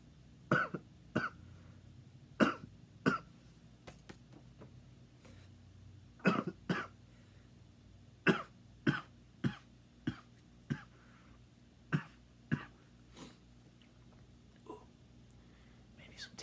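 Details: Acted, not illness-related: about fifteen short, dry single and paired coughs over sixteen seconds in a quiet room.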